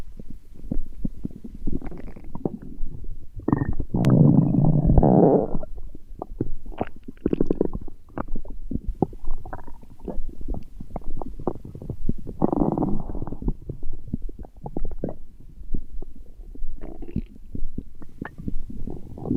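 Irregular low gurgling and rumbling bursts of gut noise throughout; ordinary stomach growling, a normal bowel sound.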